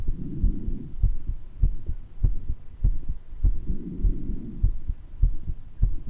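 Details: Self-recorded heart murmur in a person with mild bronchitis: regular heartbeat at about 100 a minute with a soft rushing murmur around the beats and occasional wheezes and breath noise.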